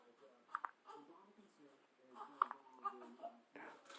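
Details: Infant with hiccups: several brief, sharp squeaky sounds amid soft background voices, including a brother, in a small room.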